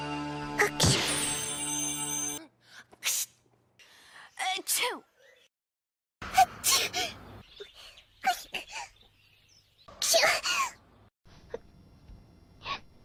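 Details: Acted, simulated anime cartoon sneezes: several separate sharp bursts, each with a breathy lead-in, over music and speech; a sneeze compilation.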